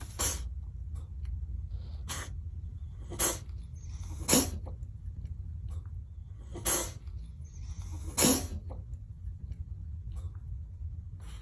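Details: Six short, sharp sneezes from a cat over about eleven seconds, irregularly spaced, over low room noise; frequent sneezing, owner wonders about pollen allergy.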